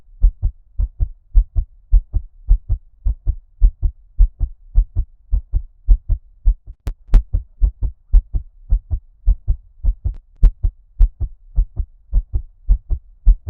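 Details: ASMR heartbeat recording with muffled, underwater-like ear-cupping effect: deep paired beats at about 105 per minute, a fast heart rate.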